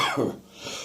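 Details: Adult morning cough with catarrh still in the chest and throat: a single short, harsh hacking wet cough with a rough, throaty tail; productive cough with throat clearing.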